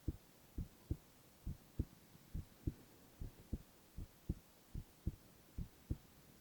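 Regular paired heartbeats at about 68 a minute over a faint steady hiss; ordinary heart sounds.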